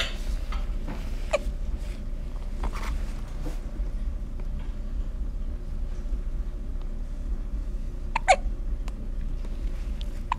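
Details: Hiccups: a few abrupt, short catches in the breath at irregular intervals, heard over a steady engine rumble.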